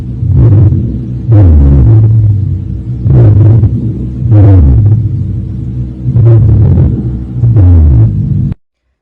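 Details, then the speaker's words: Low-pitched, rumbling, snore-like continuous sounds with each breath, about 20 breaths a minute: rhonchi, abnormal lung sounds from air passing through narrowed or fluid-filled airways, on pulmonary auscultation. "são ruídos pulmonares anormais causados pela passagem de ar por vias aéreas estreitas ou cheias de fluídos"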